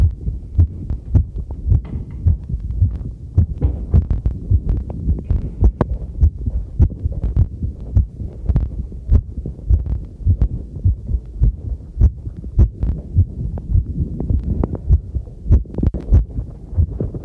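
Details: Heartbeat recorded on myself with a new homemade "field" stethoscope microphone on its first trial, during housework: regular paired thumps at about 100 a minute, with tap water running and tableware clinking behind; normal heartbeat.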